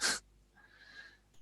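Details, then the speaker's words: A brief sharp snort followed by a faint, thin whistling breath: a sleeping dog snoring softly in the background of a quiet room. "if you're lucky you might hear the lovely dulcet sounds of my dog snoring in the background"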